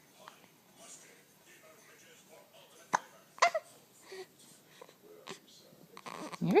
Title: Hiccups